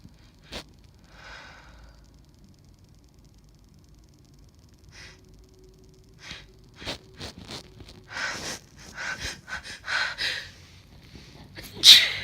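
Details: Female sneezing, from a compilation: quiet sniffs and quickening breaths build up to a final sharp sneeze; typical pre-sneeze buildup and sneeze.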